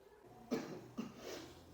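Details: Role-play of a 24-year-old man with a two-week cough, in a clinic tuberculosis-screening education video: two short coughs over faint room noise; acted cough.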